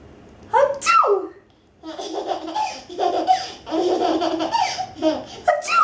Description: Apparently fake sneezes are really funny. =D